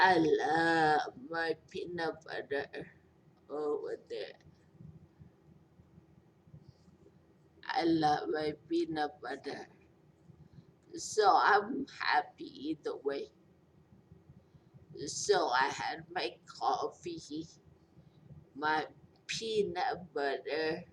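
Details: Post-stroke speech impairment in a 43-year-old woman after a major stroke with a long recovery; she says she is hard to understand.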